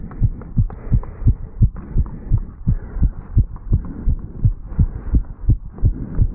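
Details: 35-year-old male, stethoscope at the mitral (bicuspid) valve area after jogging up stairs: rapid, regular heart thumps, with some running noise, a fast heartbeat after exertion.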